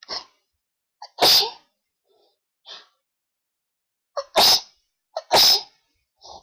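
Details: Repeated sneezing fit attributed to high pollen, ongoing sneezing attacks: a run of three forceful sneezes, each preceded by a short in-breath, with softer breaths between.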